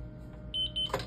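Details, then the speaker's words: Zoll M series biphasic defibrillator during a daily charge test into a test defibrillator: faint hum, then a rising high electronic charging tone pulsing briefly, then a click. "you're going to hit your analyze button it's going to charge your pads you'll see this says 30 FWS that should charge the 30 Jewels"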